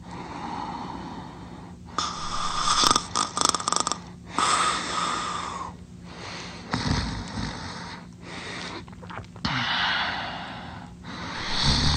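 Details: Drooling while snoring loudly in sleep: loud, rough snores with wet, snorting breaths and bubbling sounds in irregular cycles.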